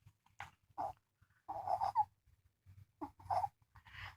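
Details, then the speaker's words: Two-month-old infant boy, hospitalized, congested since birth, with breathing and feeding problems, on a feeding tube, poor weight gain: repeated squeaky, high-pitched noisy breaths, stridor from a narrowed upper airway. "Then he started making this noise. They call it a stridor. It's stridor. That's what the noise he makes."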